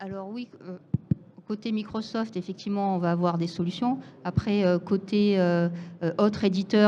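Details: Adult speaker, French; ordinary speech.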